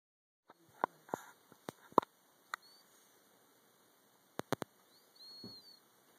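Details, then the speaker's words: Sleeping cat's soft snoring breath carrying a thin, high whistle, with scattered clicks around it: whistling snore. "didn't know cats could snore. I didn't know cats could whistle."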